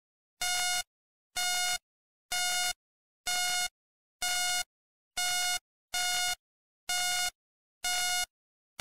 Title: [ASMR] - Hospital Monitor Beeping, Hospital Ambience, 1 Hour - Black Screen Sleep Sounds